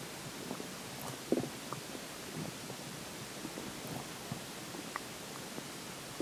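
Faint gurgles and low rumbling pops over steady background hiss: ordinary stomach growling from gas and fluid moving through the gut.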